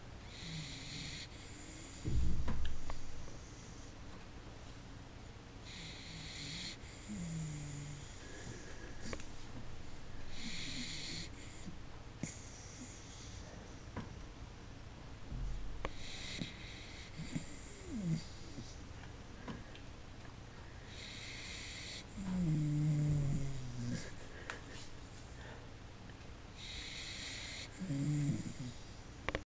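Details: Sleeping dachshund snoring loudly in a slow, regular rhythm with rattling nasal breaths and occasional low tonal snorts.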